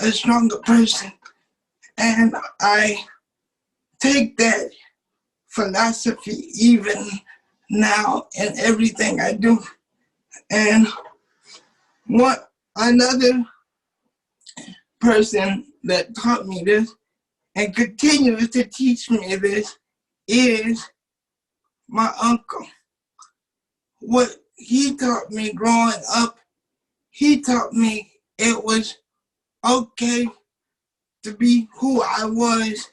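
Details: 27-year-old man with cerebral palsy since birth, muscles not working like others', wheelchair user; doctors told his family he would never talk. Dysarthric speech in cerebral palsy.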